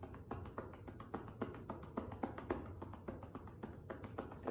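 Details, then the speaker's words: Manual chest percussion with cupped hands over the left lower lobe posterior segment, volunteer prone on a table with a pillow under the chest, 90-second demonstration: rapid, even hollow pops, about 220 a minute, for airway clearance. "we want strong wrists loose hands so that we can create a popping not a flapping or not a slapping sound on the patient"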